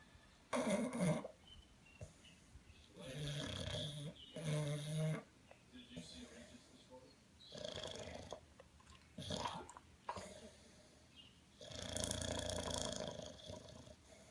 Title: Molly Snoring